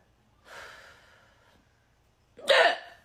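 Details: A female French bulldog with a bad case of hiccups: a soft breathy sound followed by a sharp, abrupt hiccup.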